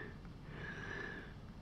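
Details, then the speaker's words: Adult speaker notes wheezing a little while narrating; a faint, thin whistling tone rides on a quiet breath, consistent with a mild wheeze. "twelve sorry if you can hear me wheezing a little bit"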